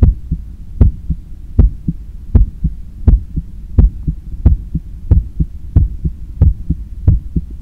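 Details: Self-recorded after a 10 km run, lying on the left side on a daybed, stethoscope on the chest while trying to control breathing; strong, regular lub-dub at about 80/min, still pumping harder than at rest; normal heart sounds after exercise.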